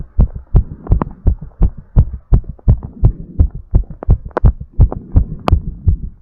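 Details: Heartbeat recorded during exercise recovery with breathplay, after an energy drink: fast, steady, strong thumps with a low hum between beats, quickened heart rate.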